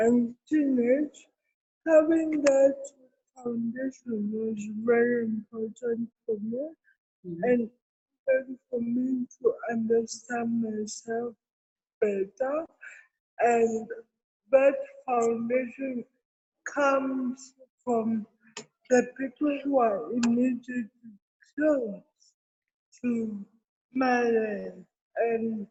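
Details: Adult woman with cerebral palsy; dysarthria associated with cerebral palsy.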